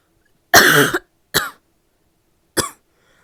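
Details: A female gives a barky coughing fit: three harsh, barky coughs, the first longer and rougher, then two short ones, in a quiet room.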